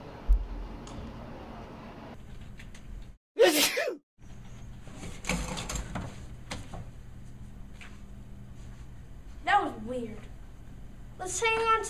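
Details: One loud, abrupt sneeze bursts out of quiet room noise, with brief muffled voices and small knocks around it: sneezing.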